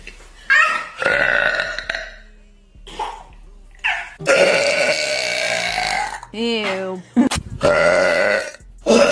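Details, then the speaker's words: Girl at the dinner table, after feeling a big one coming, gives several loud, long, voiced belches with short pauses, the longest about two seconds; burping. "I feel a big one coming"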